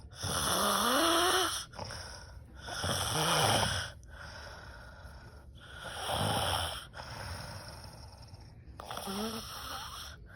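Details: Aunt snoring loudly while sleeping: loud, rattling snores on each breath, roughly 20 a minute, with quiet pauses between them; heavy snoring.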